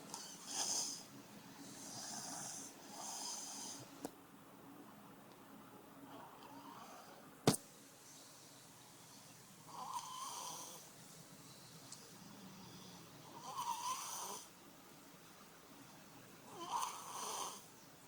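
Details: Baby son snoring very loudly during sleep: intermittent rattly, wheezy breathing noises, about five breaths over eighteen seconds, with a brief click.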